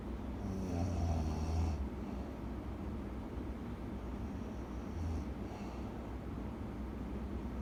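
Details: Sleeping person snoring heavily: loud, low rumbling snores on breathing in, two in the clip, with quieter breathing between; snoring.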